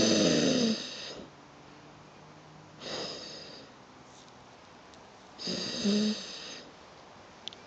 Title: Crispy snoring...